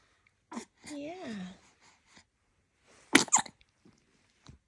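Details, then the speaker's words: Newborn baby girl with hiccups: two sharp, brief catches with a soft coo between them. "no you don't like the hiccups on Mama you're trying to be happy but man how do I do that with the hiccups how do I do that"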